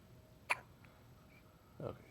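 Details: Baby with two brief, abrupt hiccup-like sounds about a second apart against a quiet room hum: hiccups.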